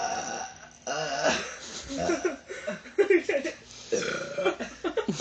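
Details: Brother and sister in a burping contest: long, rumbling, drawn-out belches repeated one after another, with some voice mixed in; deliberate burping.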